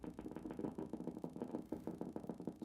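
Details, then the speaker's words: Needle EMG at gain 200 of a foot-region muscle while the patient gently pushes the toes down, with the needle advanced deeper: rapid, crisp popping and thumping of all-normal motor unit potentials. "some more motor units again all normal push a little deeper all normal very good"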